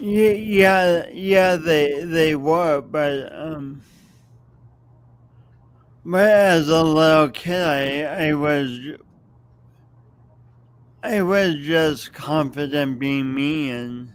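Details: Speech impediment, no specific diagnosis named, in an adult man who also has motor coordination differences and says everyone hears it every time he speaks.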